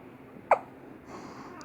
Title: My baby hates hiccups but so Cute.😇